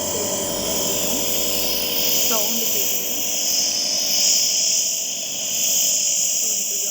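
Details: Apollo-brand home compressor nebulizer, in use for over two years, switched on for a demonstration: steady, loud hissing motor noise with a faint voice underneath.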